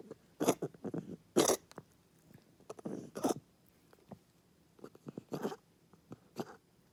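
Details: A pet coughing, recorded 25 Feb 2021: about five short, harsh, explosive bursts with soft clicks and throat sounds between them, a repeated cough.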